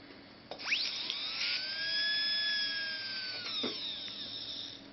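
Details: Dental turbine modified from a portable unit: a high-pitched steady whine that rises as it spins up, holds, then winds down; a dental high-speed handpiece running.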